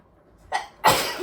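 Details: Sneezing fit brought on by sniffing pepper while cooking: a short breathy burst followed by a louder explosive sneeze.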